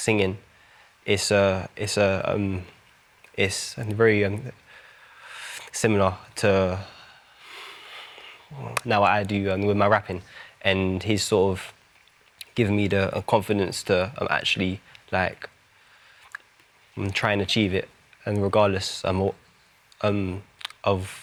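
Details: Adult male rapper with a stammer, who says music and rapping have helped him; stuttering.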